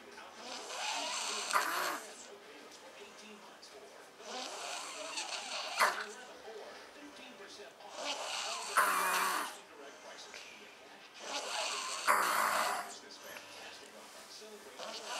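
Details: Sleeping adult snoring: rhythmic, rough, noisy snores recurring about every four seconds.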